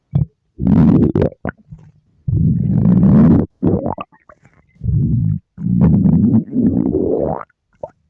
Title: Girl’s stomach growl